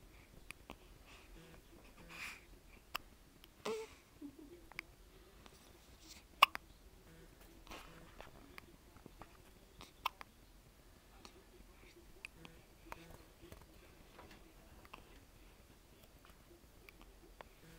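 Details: Baby with hiccups: several brief, sharp catching sounds at irregular intervals in a quiet room.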